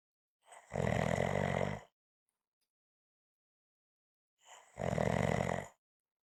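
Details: Two loud, rough, rumbling snores on inspiration, about four seconds apart with silence between; heavy snoring.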